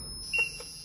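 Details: A brief high electronic beep from a Defi 9 manual biphasic defibrillator after 100 joules was selected, signalling the charge is ready before the shock; charge-ready alert tone.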